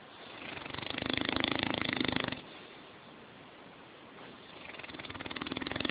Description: Like only an English Mastiff can snore. I must add however, that no microphone can truly capture the rumbling that occurs, there's a lot of low missing in the audio.